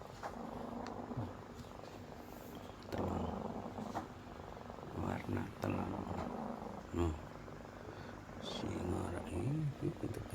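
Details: Cat: low, rumbling snore-like noise with each breath, with talk in the room; stertor (snoring-like noisy breathing).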